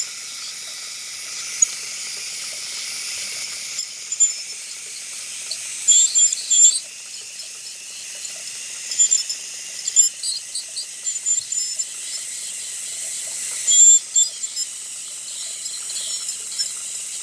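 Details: Role-play orthodontic teeth cleaning of a patient with braces and bleeding gums. High-pitched hissing whine in bursts with water spray and suction; ultrasonic dental scaler.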